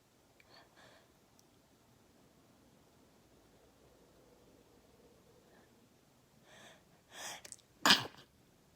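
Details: Induced sneeze from a tickly nose: quiet room, a couple of catching build-up breaths, then one loud explosive sneeze.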